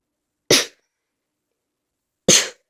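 Two sharp, explosive sneezes about two seconds apart in a quiet room; a sneezing fit.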